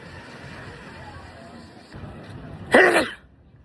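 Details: Steady background rumble, then a single sudden, loud, explosive burst; an adult sneeze.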